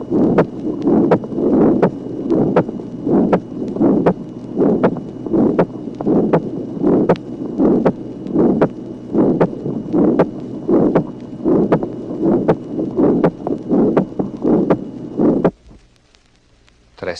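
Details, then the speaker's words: Mild pulmonary stenosis with a low valve gradient in a female patient, 1966 teaching recording (track 17): ejection systolic murmur with a single, unsplit second heart sound. "Tracé numéro 17. Souffle d'éjection chez une malade présentant un faible gradient regard de la valvule pulmonaire. Le deuxième bruit n'est pas dédoublé comme dans la communication interauriculaire."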